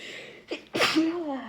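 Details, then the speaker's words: Sneeze during a pollen allergy attack set off by opening windows, amid many sneezes, sniffling and a stuffy nose: a quick catch of breath, then a forceful sneeze burst trailing into a short voiced sound. "nope just sneezing all over the place I have to oh I don't know guys hopefully I don't sound too miserable but it's definitely a lot in a lot of sneezes"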